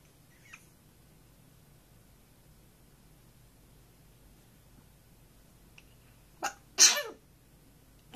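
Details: An African grey parrot, camera-shy after about 1.5 minutes of trying to sing, gives two quick, high, hissing sneezes near the end of a quiet recording; parrot sneezing.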